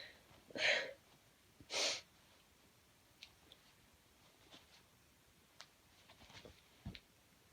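Two loud, hissing sneezes close together, then quieter sniffs and faint nose sounds in a quiet room.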